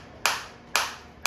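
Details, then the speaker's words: Focused (not radial) shockwave therapy device for sports injury and post-surgical rehab fired in manual mode, shot counter rising 461–465 with each press: sharp hissing snaps about twice a second, each fading quickly. "But जो short focal energy के मेरे को मिलेंगे आप देख रहे हैं 461 462 463 464 465 जैसे-जैसे मैं प्रेस कर रहा हूं"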